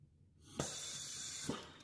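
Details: Soft click, steady hiss of gas flow, then another click; a Magellan MRI-compatible transport ventilator with reusable circuit cycling a breath while its rate is adjusted toward ten breaths a minute.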